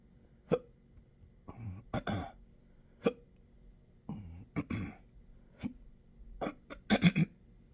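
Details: Self-recorded intractable hiccups with belching, choking spasms and developing achalasia since December 2015, now 12-hour episodes up to 7 days a week: abrupt hiccup jerks mixed with gulping, choking breaths and burps, about a dozen in eight seconds.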